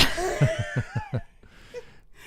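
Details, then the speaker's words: A run of about five rapid, harsh, honking coughs from a dog said to have kennel cough. "That is the Tangent Lounge dog, Louise, with kennel cough. Louise has kennel cough."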